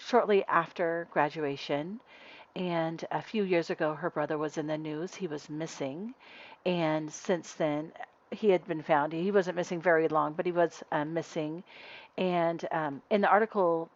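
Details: Adult woman speaking; ordinary speech.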